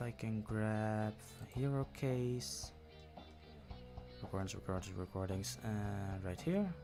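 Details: Adult male who self-reports stuttering when he speaks. Stuttering.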